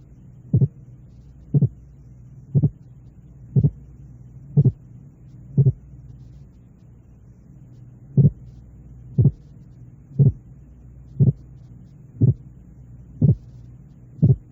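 Simulated paired heart sounds at about 60 a minute, first about 0.08 s apart, then about 0.06 s apart: a training demonstration of splitting.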